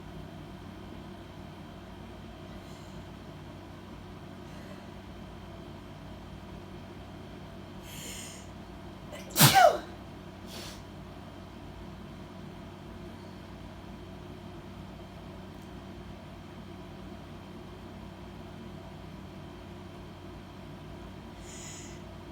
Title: A video of me sneezing #sneeze #blessyou #ahchoo